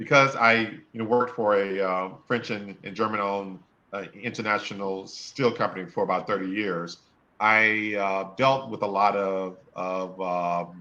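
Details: Adult man who stutters, severe in college, who says he will never be fluent; stuttering.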